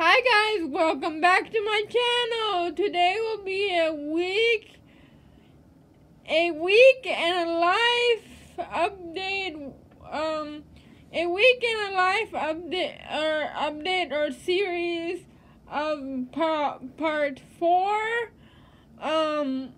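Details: Woman who says she lives with cerebral palsy; no speech disorder is named, so dysarthria is only possible; possible dysarthria in cerebral palsy.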